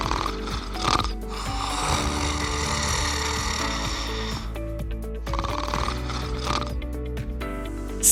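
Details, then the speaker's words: Demonstration of a snoring sound, given to contrast ordinary snoring with apnea (breath-holding then gasping), while explaining how to tell whether a custom oral sleep appliance is working. "if you sleep with a significant other ask them if they hear you stop breathing at night this is different than snoring snoring is a sound like"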